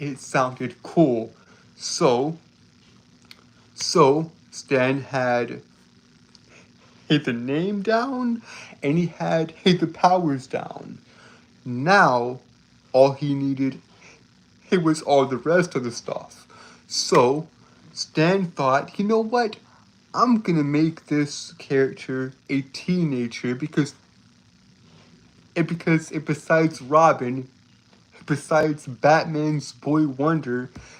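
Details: Male streamer, real speech, who reports a speech impediment that makes him stutter and trip over his words; repeated phrases audible; stuttering.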